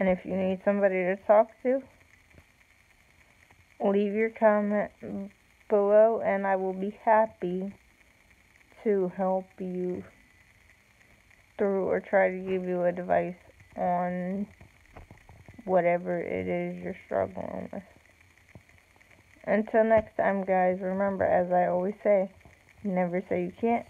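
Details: Woman with self-reported cerebral palsy, no specific speech disorder named; slow speech with long pauses; speech in cerebral palsy.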